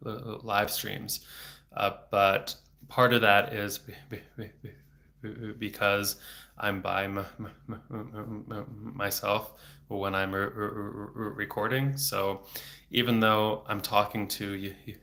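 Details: Adult male speech-language pathologist who has stuttered since age eight (about 26 years), with speech therapy off and on until his early 20s, speaking without fluency strategies; blocks with throat tension and frequent repetitions; stuttering.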